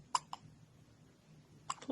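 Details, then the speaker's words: Baby with strong, recurring hiccups; the parent wonders whether the baby drank too much milk or didn't burp enough; brief sharp hiccups, two close together then another pair about 1.5 seconds later; hiccups. "baby okay now am i going to speak okay what should we do did you drink too much milk it didn't burp enough oh my goodness oh baby oh"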